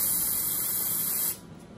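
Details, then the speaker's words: Aerosol cold spray hissing steadily for about a second, then stopping, numbing the toe before an injection to treat a thick fungal toenail, with athlete's foot and maceration between the toes. "so let's go ahead and get it numb with cold spring bee sting here we go"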